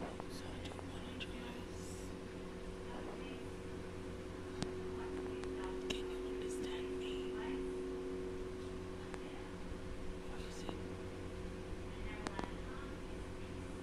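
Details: Adult speaker; Laryngitis with near-loss of voice (aphonia).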